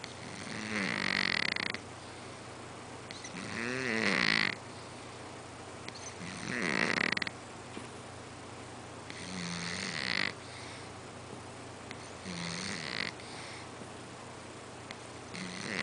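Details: Cat snoring on a couch: soft, regular snores on each breath, roughly 19 a minute; ordinary snoring during sleep.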